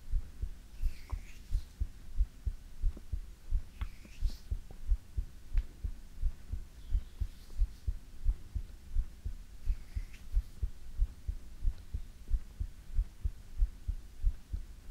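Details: Soft, steady heartbeat at about 90 beats a minute with faint hiss and occasional whisper-like sounds, recorded for ASMR: normal heartbeat.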